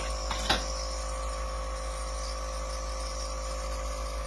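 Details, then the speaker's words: Home nebulizer with tubing and face mask, switched on with one switch for hydrogen peroxide solution; a steady mechanical compressor hum with a brief click near the start as it begins steaming. "connect that and then you're going to want to turn it on just one switch and you'll see that it's going to start steaming"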